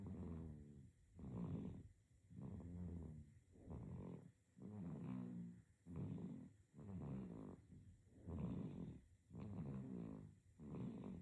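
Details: Sleeping baby with steady rough snoring on each breath, about 10 breaths a minute, in a quiet room; infant snoring.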